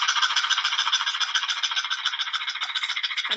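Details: Noisy rapid breathing after exercise in a brachycephalic dog (brachycephalic obstructive airway syndrome).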